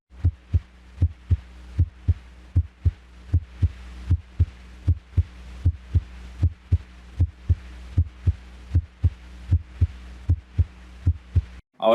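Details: Regular paired heart sounds, lub then dub, at about 78 beats a minute, played as a cardiac auscultation practice recording; normal S1 and S2.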